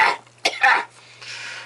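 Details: Acted, exaggerated "cough from hell": three harsh, explosive coughs in quick succession over a faint steady hum.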